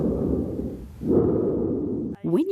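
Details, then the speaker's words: Stethoscope placed softly at the suprasternal notch while the person breathes through the mouth, in a nursing respiratory assessment: loud, harsh, hollow tracheal breath sounds with brief pauses between breaths, a normal finding. "Just softly just between in the supersternal notch there. If you could just take some breaths through your mouth."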